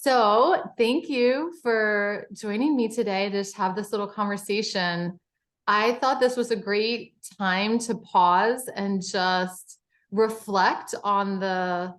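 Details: Adult woman speaking; normal fluent speech.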